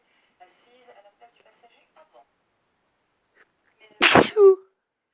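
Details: One sneeze from a record run of 12 sneezes: quiet talk in the background, then one sharp, forceful sneeze with a short voiced tail.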